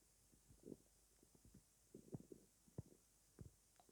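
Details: Stomach growling at night after not eating all day: soft gurgling and bubbling rumbles from the belly in a quiet room; hunger borborygmi.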